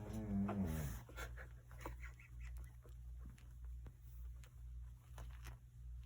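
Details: 2-week-old puppy, aftermath of an episode: brief squeaky wheeze then soft irregular grunts and clicks over a low hum; wheezing and grunting.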